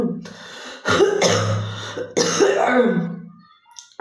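Two long, harsh, voiced coughs with a throaty, phlegmy rasp, each trailing off into a groan.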